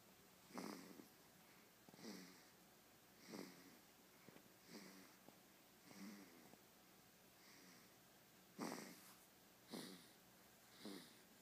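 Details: Infant snoring: soft, rhythmic snuffly snores from a sleeping baby, about 50 breaths a minute, in a quiet room.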